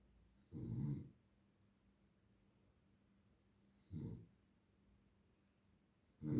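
Low, rumbling snores at regular intervals, about one every three seconds, with quiet pauses between them. Ordinary snoring during sleep.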